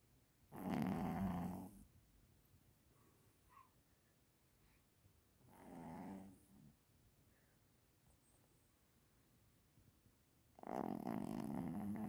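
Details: Sleeping dog, described as a snoring monster, gives three loud rumbling snores several seconds apart with quiet pauses between breaths; snoring.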